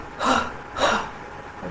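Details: Demonstration by a person with a bit of a cold: after several breaths in, two breathy, forceful open-throat exhalations with a slightly tightened throat and no full cough; huff cough (forced expiration technique) to move secretions.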